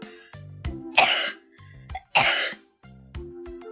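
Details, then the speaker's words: Cough during a livestream: the streamer coughs, says it is not contagious, and jokes it may be from a dusty microphone cover. "d whenever I cough I'm- I'm like God the coughing You're all getting Cough But it's not contagious!"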